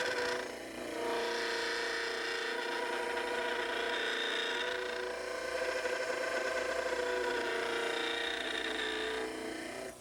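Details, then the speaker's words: Dental model trimmer trimming the anterior arc of a mandibular plaster cast, concentric to the facial surfaces of the anterior teeth: continuous motor whir with grinding. "after the sides are trimmed you should trim the AR The Arc should be a concentric Circle a semicircle concentric to a circle that would be drawn through the facial surfaces of your anterior"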